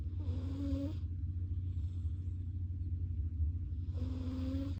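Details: Snoring from a foster cat.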